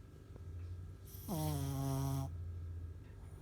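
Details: A sleeping pug snoring loudly, one long high whistling snore over a low steady hum, typical noisy snoring of a flat-faced dog; the owner says it snores like a pig.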